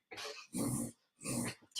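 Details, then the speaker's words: A dog's reverse sneeze ("backwards sneezing"), heard during a live stream: rapid, harsh, snorting inward breaths repeated in a quick series. "I apologize. My dog is backwards sneezing. One of them."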